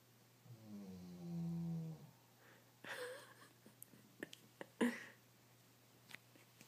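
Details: Loud snoring in a sleeping nine-year-old dog: one drawn-out, low buzzing snore on a breath, then quieter snuffles and clicks.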